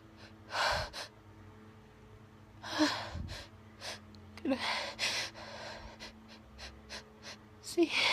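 Several sneeze-like bursts with sharp in-breaths between them, and brief sniffs and gasps in a quiet room.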